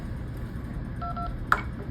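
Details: A few short electronic beeps from key presses, with a click, over steady room hum; button tones of a bedside Swan-Ganz SvO2/cardiac output monitor being set up.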